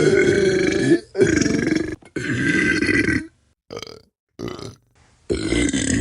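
Loud, long, rumbling burps in quick succession with short gaps, from a sound-effect collection.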